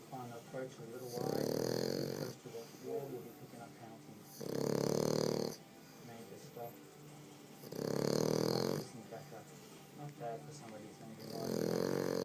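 Rhythmic rattling snores, about 17 breaths a minute, with softer snuffling out-breaths between: dog snoring.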